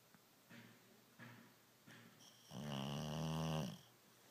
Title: snoring 03312014